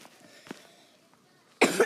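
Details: Sick person coughing during gameplay commentary: one short, harsh cough burst at the end, after faint room sounds and quiet background noise.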